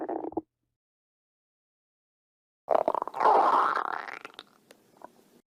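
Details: Stomach growling (borborygmi): a brief gurgle, a pause, then a longer bubbling, rumbling growl that fades into small trailing gurgles.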